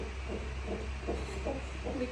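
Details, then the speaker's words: Fetal heartbeat on an NST monitor at 40 weeks 4 days, mother in labor for 8 hours and 2 cm dilated, checking the baby through contractions: rapid soft whooshing beats about 140 a minute over a low hum. "But अभी फिर से ये NST test कर रहे हैं to see how the baby is doing through the contractions."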